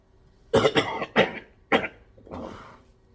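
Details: Four loud, rough coughs, then a softer drawn-out sound of clearing and spitting up mucus; productive cough in a person with Pfeiffer syndrome who describes mucus in the airways.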